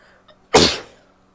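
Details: Woman who waited for a nasal itch to set in: a short catch of breath, then one sharp, explosive sneeze fading within a fraction of a second; sneezing.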